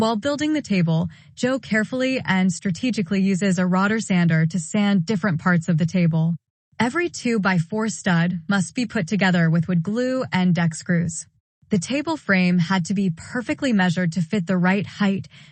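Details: Narrator, likely synthesized voice; normal speech.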